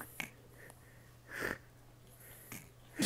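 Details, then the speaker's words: About 2-week-old baby asleep instead of feeding, seeming to have some respiratory issues: short snorting, rasping snoring breaths about once a second in a quiet room. "we're trying to feed the little monkey but then she just happened to pass out need her little headbangs she and she's snoring oh oh it just gets funnier and funnier is the funniest thing she seems to have some respiratory issues but we're working through it"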